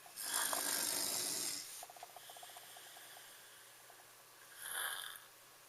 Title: king of snore part II